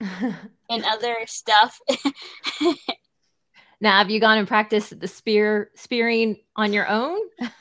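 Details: Adult woman speaking; speech.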